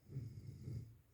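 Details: Deep, rumbling, fluttering sound in two low pulses over about a second, from a comedy video: snoring.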